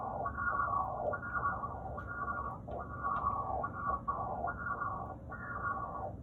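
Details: Normal common carotid artery pulsed-wave Doppler, gate centered in the vessel at an angle between 30 and 60 degrees: rhythmic pulsing whooshes rising with each systolic peak over a steady low hum.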